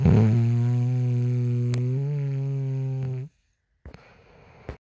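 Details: Woman snoring: one long, low, buzzing snore lasting about three seconds, then a pause and faint noise.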